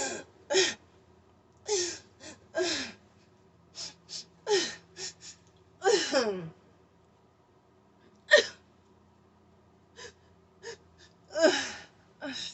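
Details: Person having a tic attack while trying new RSO tincture medical marijuana: shaking arms, hard leg kicking, jaw locking, breathing disrupted; irregular bursts of gasps, strained grunts and short involuntary vocal sounds; vocal tics.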